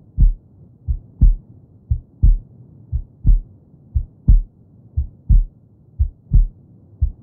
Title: Herzschlag Geräusch - Hilft Ihrem Baby beim Einschlafen